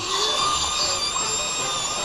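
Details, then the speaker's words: High-speed drill, likened to a dental drill, used for facetectomy before interbody spacer placement in MIS TLIF on a 78-year-old man with a bad L4-5 disc: steady high-pitched whine cutting bone for about two seconds. "This is basically a dental drill. And I'm drilling out a cavity."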